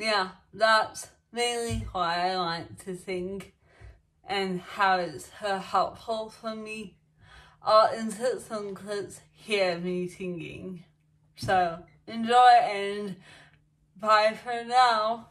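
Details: Adult woman speaking; dysarthria.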